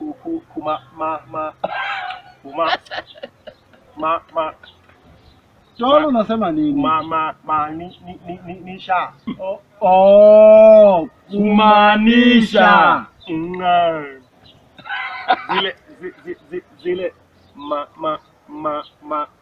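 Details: Acted stammering by a character in a comedy skit, with syllable repetitions; stuttering (acted).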